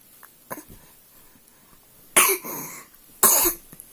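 Two short, harsh coughs after a faint earlier cough sound, in a quiet room.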